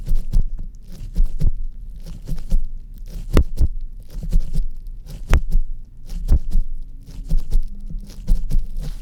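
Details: Steady low heartbeat thumps at about 61 beats a minute, heard through a stethoscope placed on the chest during a simulated roleplay exam; heart judged all right.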